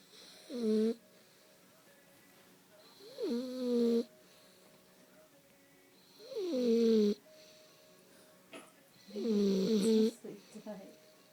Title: Dog snoring